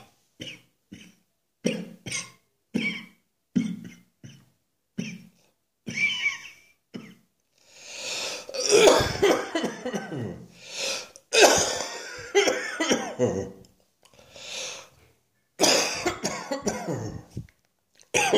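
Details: Adult's New Year's Eve morning coughing fit following an earlier one, as often happens once the lungs are stimulated: a quick run of sharp coughs, then a longer stretch of harsh, strained coughing.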